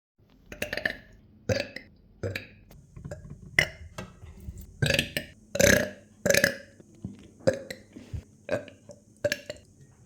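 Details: Repeated burping while drinking water: a rapid series of about a dozen short, harsh bursts mixed with swallowing noises.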